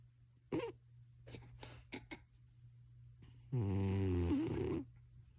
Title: Cat snoring really loud -LOL